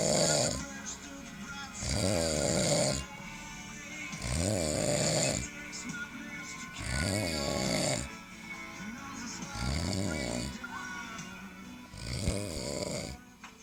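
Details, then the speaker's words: Loud, regular rattling snores about every two to three seconds from a sleeping father, with a television playing in the background: ordinary snoring. "Mas o meu pai tá roncando, vocês estão ouvindo?"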